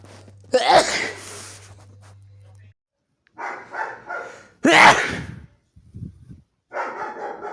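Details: Many sneezes in a row.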